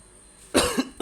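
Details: Recurring night-time cough: a single harsh cough burst after quiet, with the start of another at the end.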